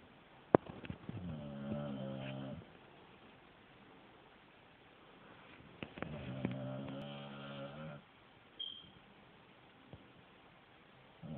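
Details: Sleeping female dog snoring like a human: two long, buzzing snores on slow breaths in a quiet room; ordinary snoring.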